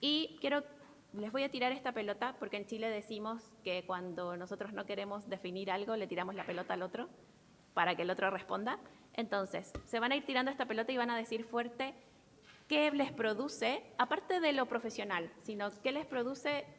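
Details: Adult woman speaking Spanish; ordinary speech.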